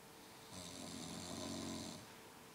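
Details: Companion fell asleep beside someone trying to study: one long, rough, rattling snoring breath lasting about a second and a half, over quiet room noise; snoring.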